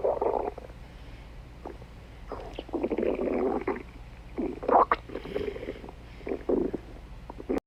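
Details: Irregular gurgling and rumbling bursts from the abdomen, typical stomach growling (borborygmi).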